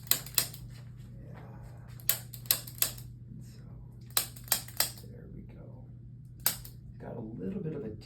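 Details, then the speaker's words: Activator adjusting instrument used on an infant held by a parent, referred by a pediatrician for neck immobility and an early misshapen head, with a head tilt. Nine sharp, spring-loaded clicks in small clusters over a low room hum. "what we're going to do is you're going to hold him and as you hold him I'm going to go through using the activator and just gently go through what I find"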